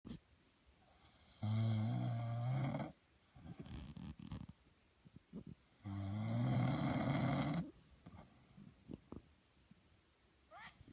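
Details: Two long, loud rattling snores on in-breaths from a sleeping adult man, followed by quiet room sounds; ordinary snoring during sleep.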